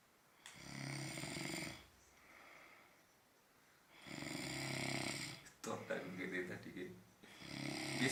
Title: Snoring like a train